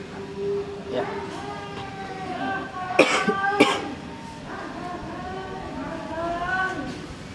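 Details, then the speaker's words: Two short, acted coughs amid talking and background music, from a person whose throat has been itchy for 2 days; cough. "batuk mulu Antum Iya nih tenggorokan gatal udah 2 hari jadi obatin lah"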